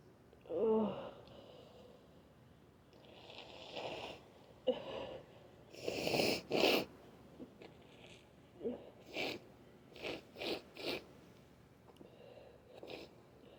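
Several short muffled bursts, likely stifled sneezes, with sniffling and nose blowing; congested nose.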